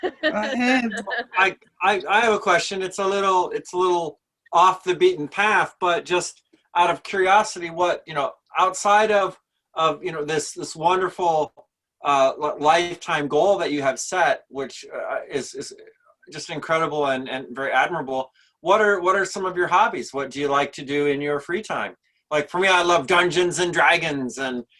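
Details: Adult speaker asking a question in a room; Normal conversational speech.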